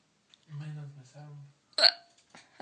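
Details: Adult woman with hiccups lasting about half an hour despite drinking water and holding her breath, worse when laughing: a drawn-out voiced sound, then one sharp, abrupt hiccup catch of breath.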